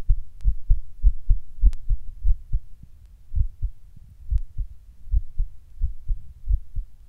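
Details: Person sitting down when the heart starts beating weird and hard, sometimes getting fast: low, thumping heartbeats at about 100 a minute with uneven spacing and changing strength. Irregular heartbeat with palpitations.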